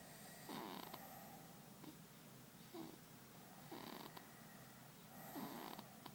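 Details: Soft, regular snoring on each breath, about thirteen breaths a minute, against steady background hiss, from a sleeping baby: infant snoring.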